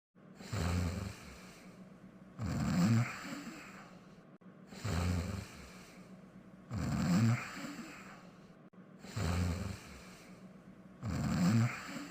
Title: The Pink Panther Snoring Quietly in 34 seconds (Fafa and Blue's World version)